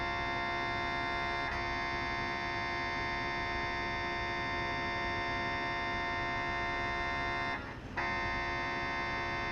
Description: Philips 1.5T MRI sounds filmed inside the scan room. Enjoy the rhythmic sounds of magnetic resonance imaging with this latest video request.